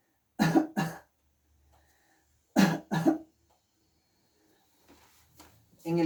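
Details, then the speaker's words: Voluntary cough during a student's physical examination of the chest: the patient is asked to cough and listening focuses on the inspiration after the cough. Two pairs of short, deliberate coughs with quiet pauses, then faint talk. "también tenemos la ocultación de la tos en el cual al paciente le vamos a pedir que tosa y lo que nos concentramos nosotros en la inspiración después de la tos"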